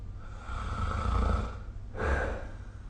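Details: Snoring during sleep, recorded with the SnoreLab app: low, rumbling breath noise with a brief pause, then another rough breath.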